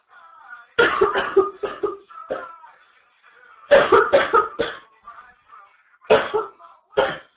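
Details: Girl with early stages of what becomes a severe chest cold: three bursts of repeated harsh, wet-sounding coughs in quick runs during a livestream, over faint background music.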